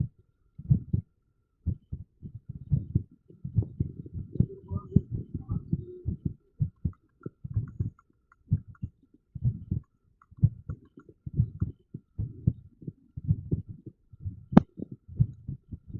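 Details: Irregular heartbeat, recorded with TENS (electrical stimulation) use noted; low heart thumps at uneven intervals, with pauses and clustered beats.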